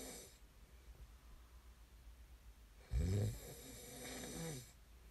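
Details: Snoring ASMR recording: a single loud, low, rattling snore on the in-breath, followed by a softer breath out, in a quiet room.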